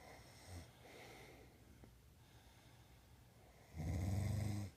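Soft breathing noise, then one loud, deep, vibrating snore near the end; snoring during sleep.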